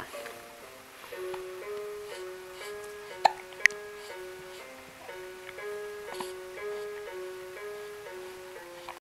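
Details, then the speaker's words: Hiccups that occur about five times a day and are usually stopped by music but persist this time: two sharp, brief hiccups over a gentle music-box tune. "しゃっくりをしてます苦しそうですねどうしよう1日だいたい5回ぐらいしゃっくりをします"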